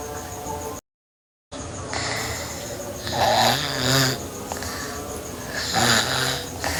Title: Sleeping Girl Snoring (NGR) Part 2